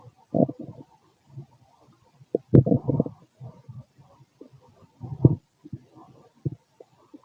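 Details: Male abdomen 6 hours after eating: irregular low gurgles and rumbles, ordinary bowel sounds of digestion.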